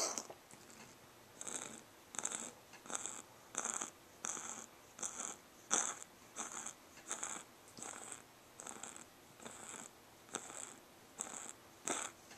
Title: Chloe: COUGHING CAT!